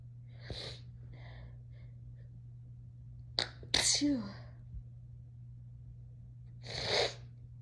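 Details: Adult recorded after a night out, described as tipsy and high: several sneezes of varying force, a few small stifled ones, then a sharp double sneeze and a final breathy one; sneezing.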